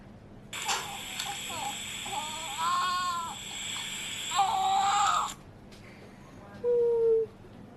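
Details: Several short wailing cries from a newborn baby boy just after birth, over steady room noise and a hiss; a vigorous, ordinary newborn cry.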